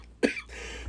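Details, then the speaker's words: An adult recovering from COVID, infected about five days earlier, coughs repeatedly while trying to laugh: a lingering post-viral cough. "I try to laugh. I've been trying to giggle over here, and I keep coughing. I just had COVID. I'm basically coming over it."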